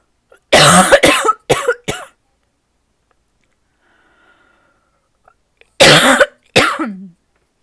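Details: Mild cough blamed on a change in the weather, with the person saying they are not sick: two bouts of dry, harsh coughing, three to four coughs then two, separated by a quiet pause.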